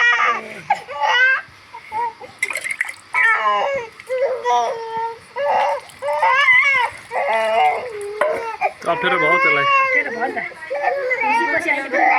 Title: Baby Crying 😭😭 When he was Bath 🛁